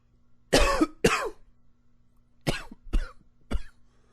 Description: It's a good coughing day :)